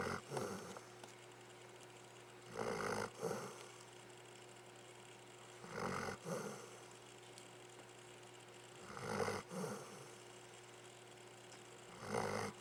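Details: Pet dog snoring with rough, rattling snores on each breath, about 20 a minute, over a steady room hum; ordinary snoring.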